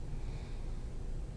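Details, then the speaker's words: Normal vesicular breath sounds: soft, low rushing airflow on deep breaths. A paramedic intern, acting as a practice patient, is auscultated from the apices through the mid-axillary line to the lung base. "Beginning at the apices, I'll listen for normal vesicular sounds."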